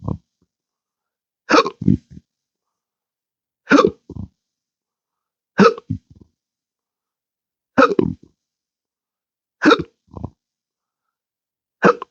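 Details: Intractable hiccups since December 2015 after surgery with nerve damage (pudendal, phrenic, vagus): sharp, abrupt gasping hiccups, each followed by a short throaty sound, about every two seconds.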